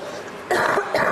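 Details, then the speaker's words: Adult cough from someone who seems to have picked up an illness on a long plane journey: two short, harsh cough bursts over a quiet room. "I apologies we can hear that coughing I had a long journey to get to crew and I seem to pick something up on the plane"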